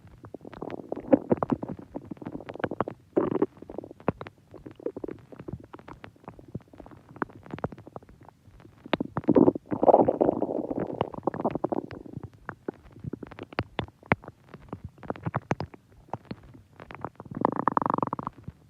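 Long gurgling, bubbling rumbles with crackling pops rise and fade repeatedly; ordinary stomach growling from gas and fluid moving through the gut.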